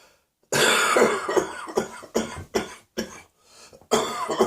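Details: Morning coughing in an adult whose cough is descending into the chest while still causing a lot of throat pain: repeated harsh coughing bursts, a chest cough following a sore throat.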